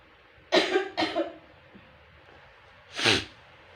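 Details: Effective cough technique demonstrated in a clinical nursing practice assignment: three deliberate cough bursts, two close together then one after a pause.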